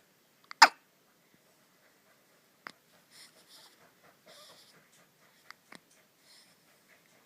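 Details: Hiccups in a four-day-old newborn just home from the hospital: several sharp brief catches over a few seconds in a quiet room, with soft breathing and small noises between.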